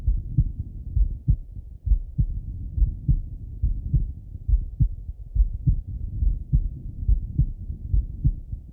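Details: Male heart auscultated with a stethoscope, recorded partly sitting at a desk and partly lying in bed: steady, soft, low thumps at about 69 beats a minute with no clear extra sounds; normal heart sounds.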